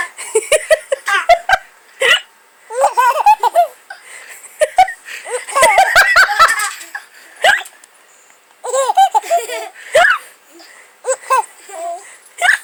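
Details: A baby with hiccups, laughing for real for the first time while her mother copies the hiccups: bursts of giggling and belly laughter with short, abrupt hiccup catches mixed in.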